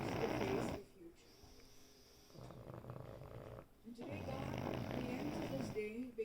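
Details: Snoring from pugs: Cosmo asleep and dreaming, Indy possibly awake; low fluttering snorts and rattly snoring breaths with quiet pauses between them.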